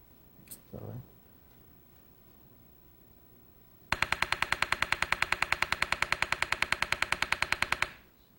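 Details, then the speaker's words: Rapid regular train of sharp clicking pulses, about 200 per minute, lasting four seconds (then a 26-second break): repetitive transcranial magnetic stimulation treatment for depression on a patient, felt as painless tapping on the head; TMS pulse train. "we're ready to do the treatment and that provides a rapid pulse of TMS for four seconds with a twenty six second break"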